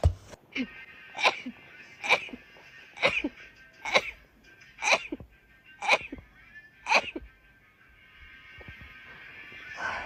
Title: girl sneezing rapidly.#20.|| rapid sneeze.